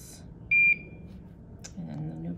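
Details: Home IV milrinone infusion pump switched back on after a battery change during a nurse's setup demonstration: a single short electronic beep in a quiet room as the pump runs its alarm self-check at start-up.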